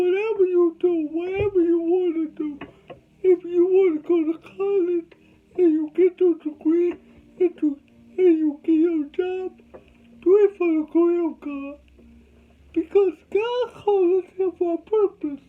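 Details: Adult male with cerebral palsy from birth; dysarthria (cerebral palsy).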